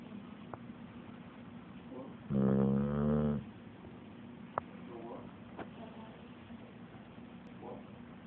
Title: My dog snoring OMG